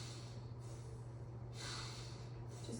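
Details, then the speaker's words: Normal posterior lung sounds in an adult male nursing-assessment volunteer taking deep breaths, auscultated over the back: soft airy breath sounds with no adventitious sounds, no crackles and no wheezing. "continue taking deep breaths excellent no adventitious lung sounds No murmur or sorry um no crackles no wrong kind no wheezing noted"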